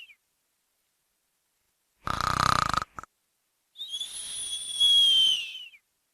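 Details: A single snore cycle: a rattling, fluttery snort on the in-breath, then a high whistling out-breath; snoring sound effect.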